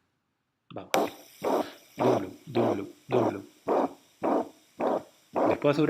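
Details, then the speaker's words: Veterinary cardiac auscultation teaching recording: regular heartbeats at about 107 a minute, each with a sustained rushing whoosh filling the whole of systole from first to second heart sound; a holosystolic murmur. "pero esto es un soplo o sistólico y ocupa todas las historias desde el 12 hasta el loop"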